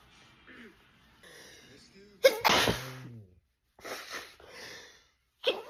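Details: Black woman's sneezing fit, looped edit, tagged allergic rhinitis: a soft intake of breath, then a loud sneeze with a voiced tail and the sharp start of another, amid snorts and throat clearing.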